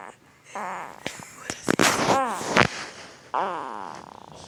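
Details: Sleep grunting and snoring from a hard-asleep 2-week-old newborn boy: squeaky, voiced grunts with rising pitch and short snorty bursts.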